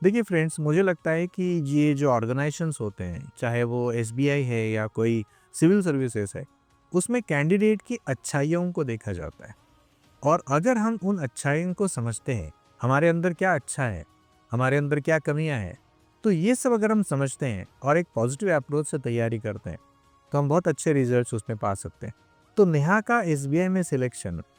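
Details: Adult male speaker; Normal speech.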